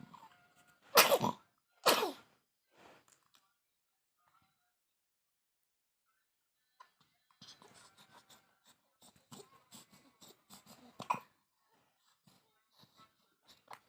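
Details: Infant with a cough and runny nose (cold), awake and unable to sleep around 4 a.m.: two loud coughs followed by quiet fussing and small sounds.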